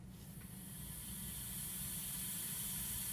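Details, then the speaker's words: Venturi mask set at 35% oxygen with 6 litres a minute flow during oxygen device demonstration on a patient: steady rising hiss of gas, high flow, normal for this device. "the liter flow coming in does not affect the oxygen content so it can kind of be whatever the patient prefers"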